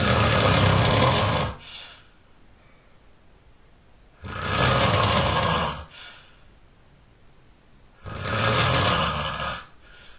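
Three loud, harsh, rumbling snores, about 15 a minute, each lasting over a second, with quiet between them; heavy snoring.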